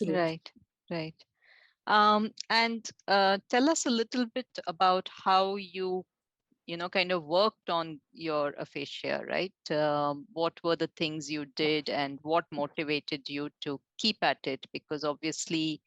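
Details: Adult woman, interviewer; normal speech.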